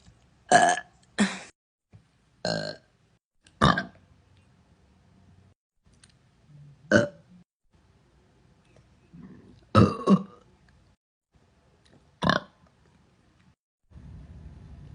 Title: TikTok Girl Burping